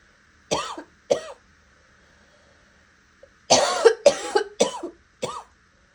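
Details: Coughing ranging from raspy to hoarse to wet with hints of barking: two short coughs, then a burst of four rough, raspy, slightly wet, husky coughs.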